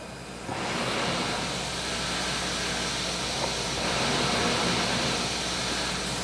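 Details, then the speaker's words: CPAP airflow from a ResMed AirFit N30i nasal mask at 20 cm water pressure, face buried in a pillow: loud steady rushing hiss as air deflects off the pillow. "Okay, this is on 20 centimeters of water pressure. Now when I bury my face in the pillow, that sound you're hearing is it ricocheting off of the pillow itself."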